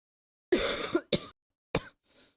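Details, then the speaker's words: Person currently sick, coughing a lot all day and unable to sleep for coughing: a rough throat clearing, then two short coughs and a soft breath out; cough. "I was I was trying to sleep a little bit, you know, since I'm sick trying to just like relax. But could not do that cuz I kept coughing all the time."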